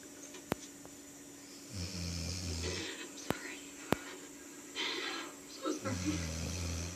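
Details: Old female dog snoring in sleep: two low, rumbling breaths with faint clicks and room noise.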